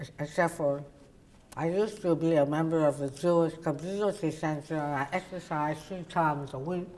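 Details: Adult woman, oral cavity cancer survivor treated with partial glossectomy and tongue reconstruction then radiation; her tongue cannot reach the roof of her mouth; others struggle to understand her; articulation disorder after partial glossectomy.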